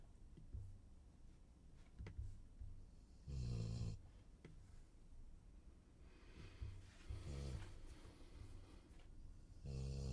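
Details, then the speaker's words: A female Labrador snoring in a quiet room, with low rumbling bursts on each breath; someone says she is fine. "yeah I can hear the dog snoring she's fine she just wants attention yeah that's a snoring dog"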